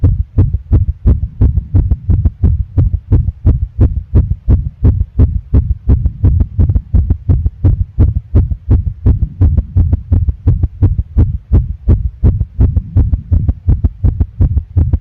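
Rapid, regular low heart thumps run steadily throughout, fitting a fast heartbeat.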